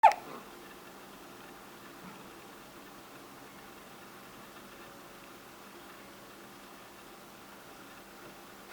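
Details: A single short, sharp hiccup from a person, then quiet room noise for the rest.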